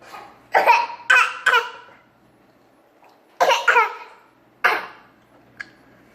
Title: Mocking his little sister's cough